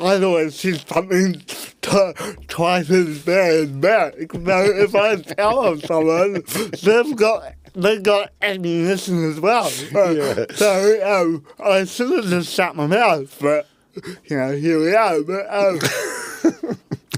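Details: Dysarthria in a real adult man with cerebral palsy from birth; his parents were told at birth he would never walk or talk, and he had intensive therapy from birth to age six to help him walk and talk.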